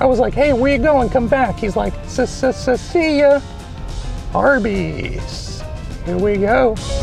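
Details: Adult man with a persistently high-pitched voice, untreated by choice; mutational falsetto (puberphonia).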